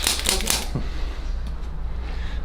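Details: Quick run of sharp mechanical clicks, then quiet room hum: chiropractic adjusting-instrument impulses applied to the midfoot and metatarsals.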